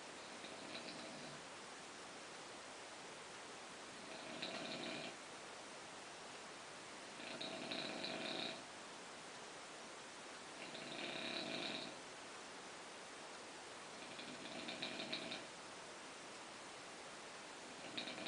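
Soft, raspy snores about every three and a half seconds, roughly 17 breaths a minute, over steady hiss. Light snoring.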